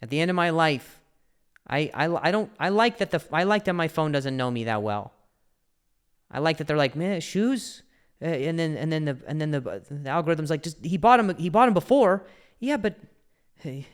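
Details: Adult male comedian with a stutter who also mentions a past injury; real, unscripted speech with word and phrase repetitions; stuttering.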